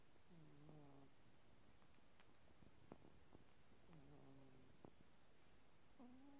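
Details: Soft, low, buzzy snoring in two or three breaths over quiet room hiss from a sleeping cat; cat snoring.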